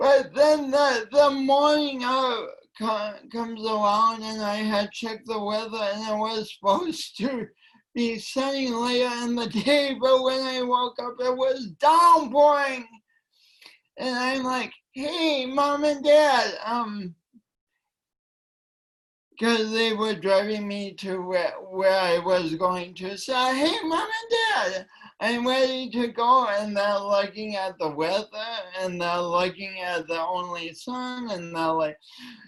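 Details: Man with cerebral palsy since birth, which he attributes to oxygen loss from a kinked umbilical cord; it affects his voice and coordination; dysarthria (cerebral palsy).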